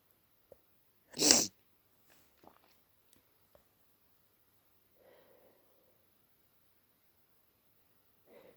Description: I woke up at 3am with a stupidly blocked nose and it was givibg me headache so I induced some sneezes to ease the pressure